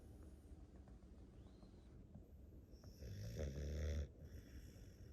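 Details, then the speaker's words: A sleeping dog, worn out after a busy day, snoring loudly: low, rattling breath noise that swells on one breath over steady room hum. "He's sawing logs. I guess we wore him out today."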